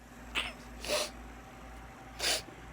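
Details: Repeated sneezing fit in a quiet room: a small sharp sneeze, then two fuller sneezes in quick succession; the person says they can't stop sneezing.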